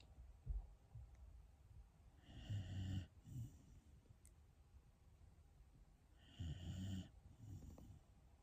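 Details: Shiba Inu dog snoring: two cycles of snorting in-breaths, each followed by a shorter out-breath, about 15 breaths a minute; soft snoring.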